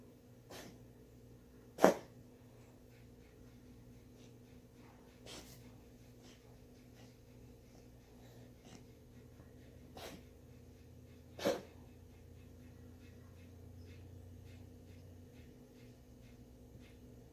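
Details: Cough in an animal, labelled a monkey coughing; a few sharp, isolated, short forceful coughs in a quiet room, occasional.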